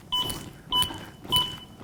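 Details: Simulated CPR training on a manikin in ventricular fibrillation, using a Zoll AED Pro: steady metronome beeps at roughly 100 per minute pace compressions over faint room noise, with "push harder" and "good compression" prompts.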